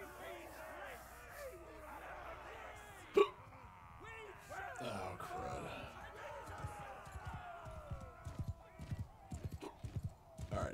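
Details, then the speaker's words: Adult streamer hiccups while playing a video game: a single sharp, abrupt hiccup over horse, hoofbeat and music game sounds; hiccups. "don't go away i'm not going to be able to stream very well otherwise they'll be hiccuping every five seconds"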